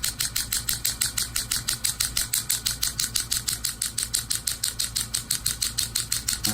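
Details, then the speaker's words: Low-level shockwave therapy on the right ankle for a chronic, MRI-confirmed partial tendon tear, frequency just increased: rapid, very regular sharp tapping pulses about three per second. "we're just going to bump up the frequency a little bit as everyone can hear it now"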